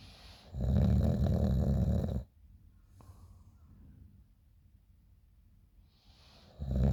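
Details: Adult snoring in the morning, recorded by a friend: loud, deep, rattling snores on breathing in, separated by quiet pauses of several seconds; heavy snoring.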